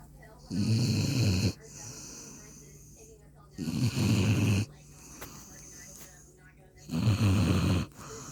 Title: German Shepherd SNORING!!!!